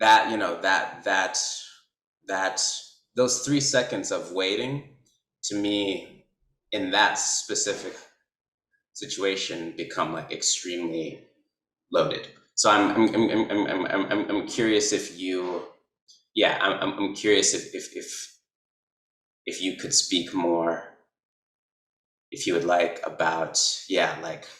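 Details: Adult man who describes himself as a person who stutters, speech showing repetitions and blocks; stuttering.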